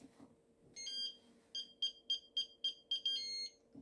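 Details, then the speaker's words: An Abbott spinal cord stimulator device in a CRPS patient's setup that has lost its connection: a run of about seven quick, high-pitched electronic beeps signalling it is not in place. "So it's beeping to tell you that it's not connected to anything. So let me put it back in here again. It's saying it lost its connection. And it will beep like that so that you know that it's not on where it belongs."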